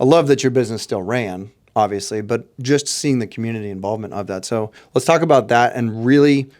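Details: Adult male speaker; Normal voice.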